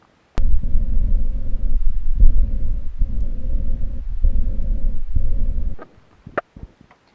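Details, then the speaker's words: Heart patient on hypertension pills for 10 years, on diabetes drugs for 20 years and lately on insulin. Low, muffled lub-dub heart sounds overlaid by a continuous grinding, rubbing noise: abnormal heart sound with rubbing. "वो जो heart sound था उसमें भी था लब डब लब डब लब डब, लेकिन साथ में एक घिसने की आवाज़, एक रगड़ने की आवाज़।"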